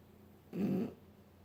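A single low, rumbling snore lasting under half a second from a napping animal.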